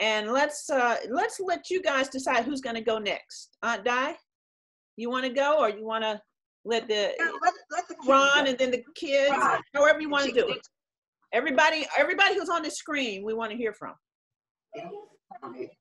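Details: Adult woman; normal speech.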